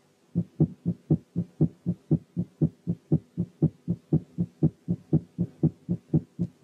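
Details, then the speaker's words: Normal heart sounds with tachycardia at about 120 beats per minute, regular, with first and second sounds almost evenly spaced so systole and diastole are hard to tell by spacing alone. "لكن لما يكون في تاكيكارديا الهارت بيتس بيكونوا جنب بعض، والمسافات بين الفيرست والسكند ساوند بتبقى مقاربة للمسافات بين السكند ساوند والفيرست بتاع البيت اللي بعديه. تعالوا نسمع كده الهارت ساوند على سرعة 120."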